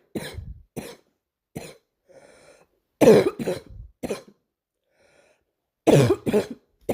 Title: Girl coughing 254